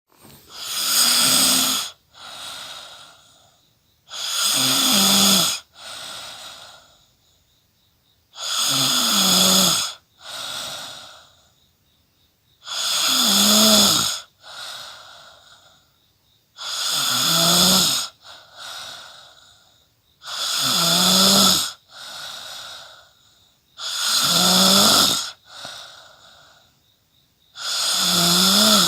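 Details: Loud, regular snoring in a sleeping adult, about 16 breaths a minute with rattling inhalations.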